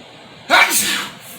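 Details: One loud, explosive sneeze after a brief quiet lead-in.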